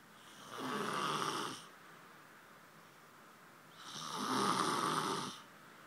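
Two long, loud rattling snores about three seconds apart on breathing in, with quiet breathing between.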